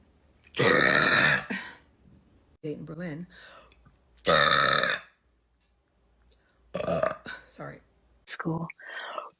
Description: A spontaneous “talent” to some; a vile habit to others. Yet my burps can be heard on a Frank Zappa album so I’m not ashamed 🫠